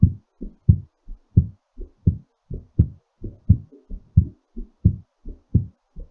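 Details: Normal heartbeat during recovery after exercise: steady, clear lub-dub heart sounds at about 88 beats a minute.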